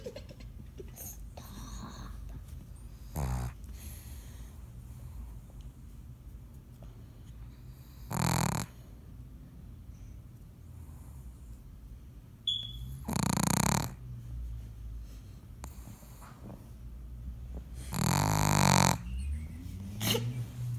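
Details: A sleeping female pug snoring: rough, rattling snores every few seconds over constant low room noise.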